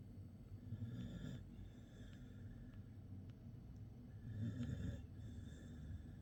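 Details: Low, irregular snuffling snores and soft snorts from a sleeping animal, recorded 26 March 2024 at 20:53; snoring.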